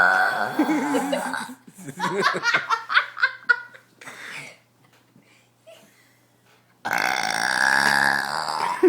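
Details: 7-year-old child deliberately burping: a long voiced belch, laughter, then a second sustained belch; repeated belching.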